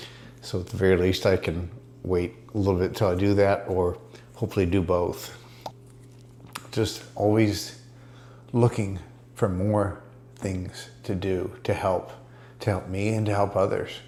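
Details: Adult man diagnosed with multiple system atrophy; he reports his speech improving after ibogaine treatment taken about 6 weeks earlier; dysarthria in multiple system atrophy.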